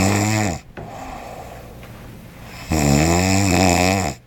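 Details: Person snoring loudly in a hotel room: two loud, rough, buzzing snores with a quieter breath between them; heavy snoring.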